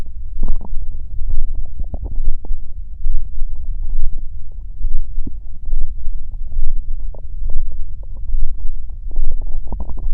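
Low rumbling, gurgling bursts coming in waves, ordinary stomach growling from gas and fluid moving through the gut.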